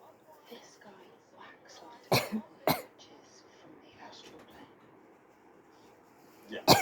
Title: More sneezes while watching a show, with a few little coughs too.